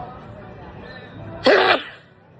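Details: A single sharp sneeze after a short, quiet lead-in, heard over faint room noise; sneeze.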